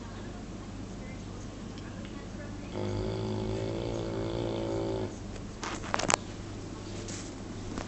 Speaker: זה בדיוק כמו אנשים, מתחיל לאט לאט ולגבור.